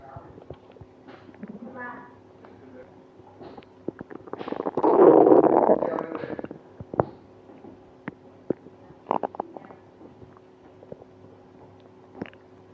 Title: Stomach pain after eating ice cream (stomach noise)